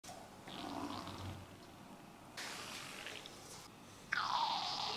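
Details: Stomach growling (borborygmi) during a Thai massage: irregular gurgling and bubbling rumbles that end in a squeaky, falling whine.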